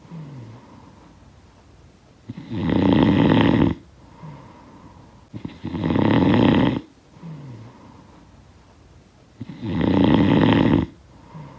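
Loud rattling snores on each breath in, with quieter breaths out between, about 14 breaths a minute: snoring during sleep, from a sound-effect recording.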